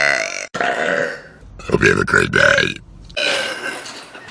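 Long, loud, drawn-out voiced belches with a rolling throaty tone: burping.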